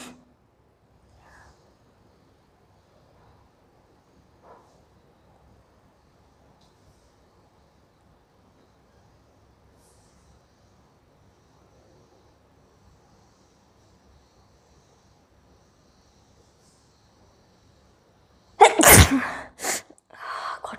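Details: Woman sneezing during a sneezing challenge after trying green chili: a long quiet stretch, then a sudden loud sneeze burst with a brief follow-up near the end.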